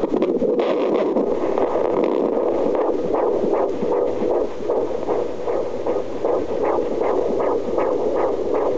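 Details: Rapid, regular whooshing beats of a fetal heartbeat on a Doppler monitor, about 150 a minute: fetal heartbeat.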